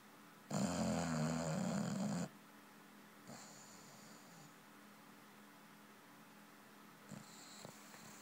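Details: Snoring of a bulldog from a cartoon soundtrack: one long, loud rattling snore on an in-breath followed by quiet whistling breaths.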